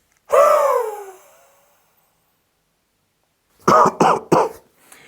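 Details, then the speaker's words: Huff cough airway-clearance technique demonstration to shift stuck mucus: a relaxed breath in through the nose, a pause, a long breathy forced exhale through the mouth, then three short, sharp coughs to clear mucus. "take a relaxed breath in through your nose pause and then exhale forcefully through your mouth to help lift the mucus from your Airways"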